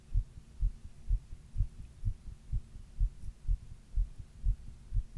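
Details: Regular, muffled heart thumps at about 125 beats a minute, the recorder's own heart recorded while reading during a 102 °F fever; fast heartbeat (tachycardia) during fever.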